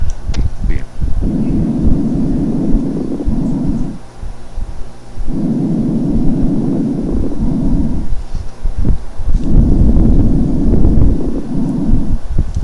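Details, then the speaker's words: Chest auscultation: fine, small rubbing crackles at the end of inspiration, attributed to small bubbles forming in the alveoli; fine crackles. "pongan atención al final de la inspiración cómo se escucha ese ruido fino y ese ruido como frote pequeñito que está dado por las pequeñas burbujas que se forman en los alvéolos y que se forman al final de la inspiración"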